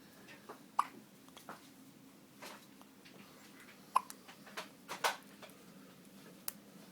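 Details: Short, abrupt hiccup catches recurring irregularly, roughly 19 a minute, over faint room noise.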